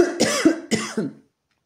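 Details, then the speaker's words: Cough from an adult woman who says she keeps coughing. "Excusez-moi. Voilà, je continue à tousser."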